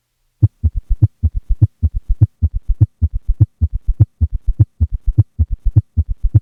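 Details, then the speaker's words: The same patient with both an S3 and an S4, recorded during expiration, now at a faster heart rate than 60 and 80 beats a minute. The rapid extra diastolic sounds fuse into a summation gallop. "At this point, the extra sounds in diastole have fused, and it is no longer possible to distinguish one from the other, or even be sure how many sounds exist."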